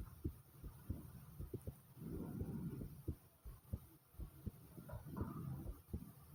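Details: Own heart pounding fast: deep, uneven low heartbeat thumps mixed with bursts of gurgling and rumbling stomach (bowel) sounds.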